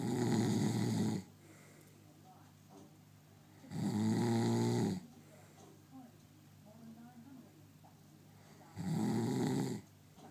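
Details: Three loud rattling snores on inhalation about every four seconds (around 15 breaths a minute), with quiet breathing between; snoring.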